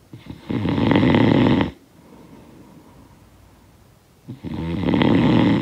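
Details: Sound-effect recording: two loud, rough, rattling snores on successive breaths in, separated by a few quiet seconds of breathing out; snoring.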